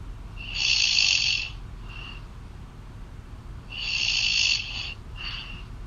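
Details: Girlfriend snoring loudly in sleep, heard over a phone call: loud, whistling snores on each in-breath about three seconds apart, with softer out-breaths and phone-line hiss.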